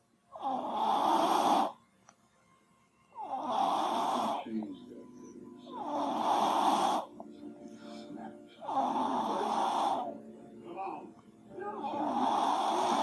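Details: Repeated soft, nasal snoring breaths in a sleeping baby, roughly twenty a minute, with faint background sounds; infant snoring.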